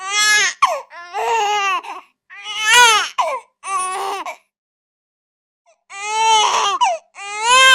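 Repeated loud, high-pitched wailing cries from an infant in bursts with brief gasping pauses between them; ordinary infant crying, taken from a sound-effect recording.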